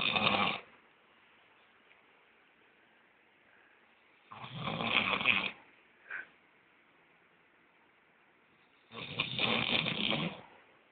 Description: greatest snoring of all the times ....i bet no one snors more than me....